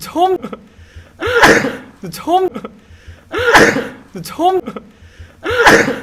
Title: くしゃみ 1分耐久 sneezing 1minutes